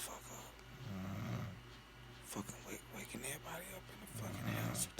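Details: Woman snoring loudly all night while asleep, keeping her partner awake: low, rough rattling breaths with snoring noise on each breath, heard against room noise; snoring.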